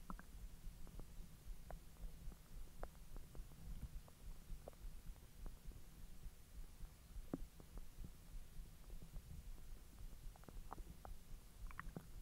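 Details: Belly recorded after eating hotdogs following 10 hours of an empty stomach: low rumbling with scattered gurgles and soft pops against steady noise, active digestive bowel sounds (borborygmi).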